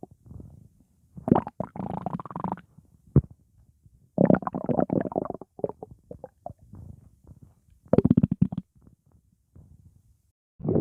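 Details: Long, low, bubbling gurgles and rumbles in bursts with quiet gaps: stomach growling, ordinary gut noise.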